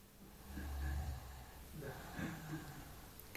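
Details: Sleeping tiger snoring: deep, rumbling low breaths with a rough fluttering quality on each breath.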